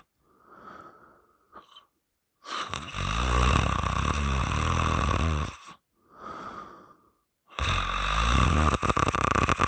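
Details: Heavy open-mouth snoring during sleep, loud rough snores on long breaths with quieter breaths between; bed partner held the sleeper's nose shut three times, waking them the third time.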